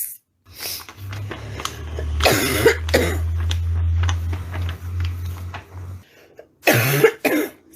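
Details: Woman with a persistent cough that worsens at night: four harsh, low-pitched barking cough bursts in two pairs over a steady low background hum.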